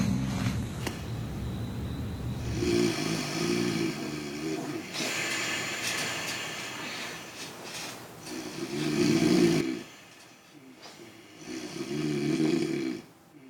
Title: LL#30 Snoring HD